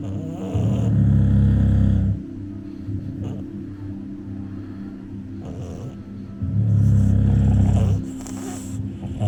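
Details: Bulldog snoring while falling asleep: two long, loud, low rattling snores about six seconds apart, with quieter breathing between them.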